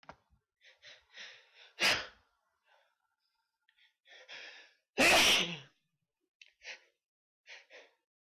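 Two loud, sudden sneezes, each preceded by quick catching breaths, with soft breathing between.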